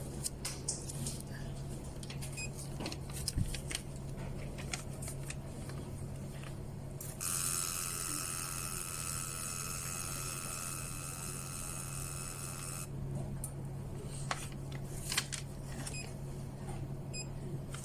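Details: Fractional CO2 laser machine firing in fractional mode after the shape is selected and ready is pressed: a steady high electronic tone of about six seconds over low room hum and scattered clicks.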